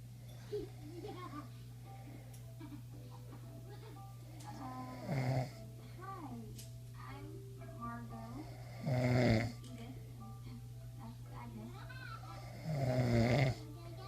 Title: Hubs snoring